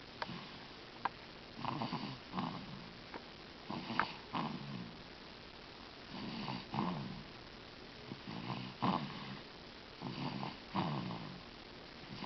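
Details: Sleeping subject recorded in dim light with the microphone not close: repeated low rattling snores with soft sniffing breaths between, about one every two seconds, in a quiet room; snoring.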